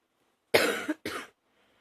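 Two harsh cough bursts in quick succession; a morning cough.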